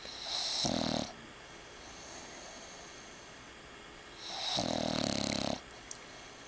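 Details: A dog snoring while asleep with an eye open: two long, rattling snores several seconds apart, with quiet breathing between them.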